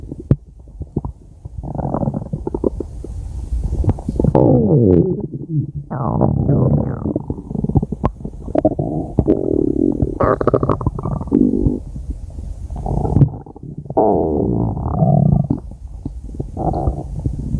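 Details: Ella's stomach growling: long, low gurgling and rumbling with bubbly bursts lasting several seconds; ordinary borborygmi from gut movement.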